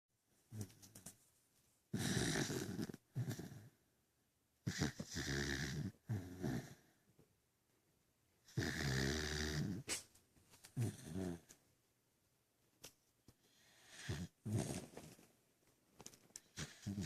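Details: Loud, rough, low snores in irregular bursts with quiet gaps between breaths; ordinary snoring during sleep.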